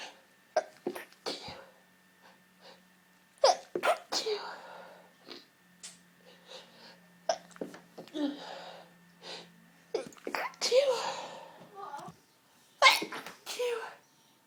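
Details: Repeated sharp sneezes in quick fits with gasping breaths between, set off by inhaling pepper from a smashed pepper pot while clearing up; irritant sneeze reflex.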